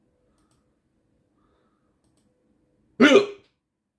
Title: 15 minutes with hiccups